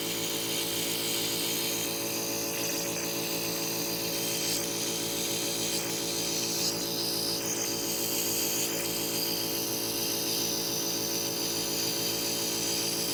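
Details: A nebulizer compressor running during a nebulizer treatment for a cough: a steady motorized hum with a continuous high hiss.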